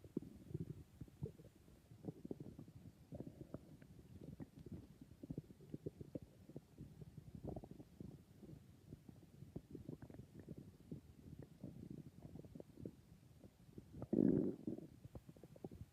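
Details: Stomach growling (borborygmi): soft, continuous gurgles and rumbles with one louder growl near the end; ordinary bowel sounds.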